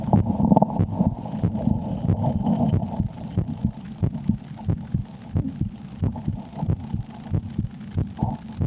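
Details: Steady, low, slightly fast thumping heartbeat of about 90 a minute over a low hum, recorded by an ASMR creator during fear while playing the horror game Slender: The 8 Pages; normal heartbeat.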